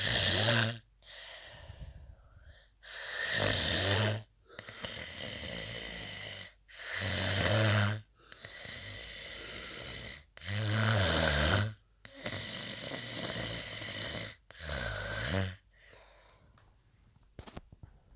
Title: HARD CORE SNORING. LIKE AND COMMENT FOR MORE!!